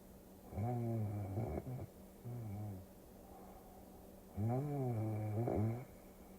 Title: Tokyo Cruising for Sleep Induction with Snoring Sounds #relax #sleep イビキの音でぐっすり快眠